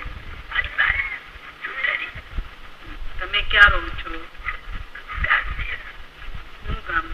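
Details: Adult male laryngectomy patient using alaryngeal speech without a voice prosthesis; his voice is currently affected by a cold and cough.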